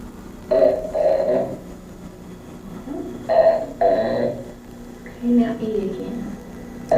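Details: Woman with spasmodic dysphonia attempting a sustained note, unable to hold it beyond a few seconds, false vocal cords squeezing toward midline; spasmodic dysphonia.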